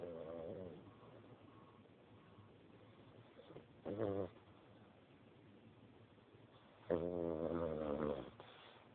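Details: Light snoring in a sleeping animal: soft, squeaky, whistling snores on a few breaths, with quiet breathing between them.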